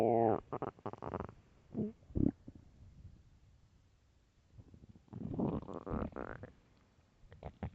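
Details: Extremely loud morning stomach growls: loud gurgling and rumbling in long rolling runs with quiet gaps; ordinary borborygmi (stomach growling).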